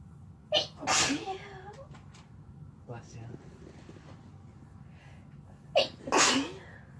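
Two sneezes, each with a sharp intake and loud burst, with soft background noise and a quiet voice between them.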